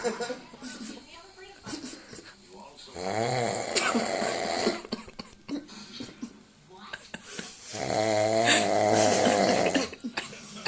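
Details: Sleeping man snoring: two long, rattling snores with people talking quietly in the room.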